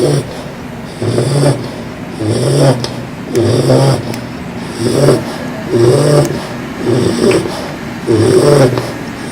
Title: Loud Snoring Bulldog